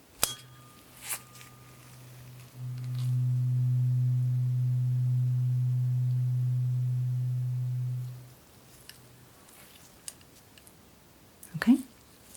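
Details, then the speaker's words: Pure steady hum from a struck tuning fork, held next to each ear to compare hearing, lasting several seconds then fading, during a simulated ASMR neurological exam. "next we're going to use a tuning fork and just place it next to each ear to begin with and then place it on top of your head to see how the sound travels down to those ears"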